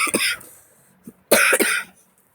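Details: Dry cough, no mucus, that woke the person up: two bursts of dry, hacking coughing, each with two or three quick coughs, and no rattle of mucus.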